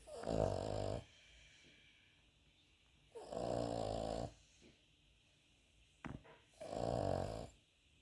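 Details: Cavalier King Charles Spaniel dog snoring like a human: three loud, rumbling in-breath snores about 3.5 seconds apart, roughly 17 a minute, with quiet breathing between.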